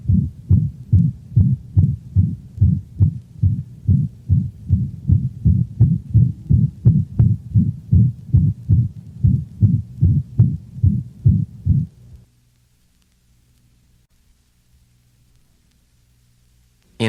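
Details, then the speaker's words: Dog with mitral insufficiency: fast heartbeat with a loud, prolonged holosystolic murmur that obliterates the second heart sound, so each beat sounds like one long sound. "listen to another recording of mitral insufficiency the holosystolic murmur is so loud and prolonged that the second heart sound is obliterated giving the impression of only one prolonged sound"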